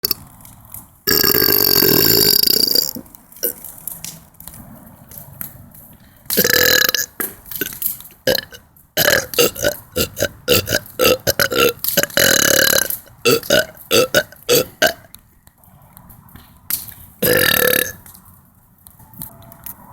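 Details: Several long, loud, rumbling belches with short gulping bursts between them over room noise; burping.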